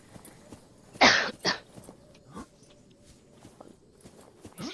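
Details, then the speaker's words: Two short, harsh coughs from someone who says they cough all the time and their voice is going, over faint footsteps and video-game sounds: cough. "pour le fait que je tousse tout le temps. Ça peut être chiant."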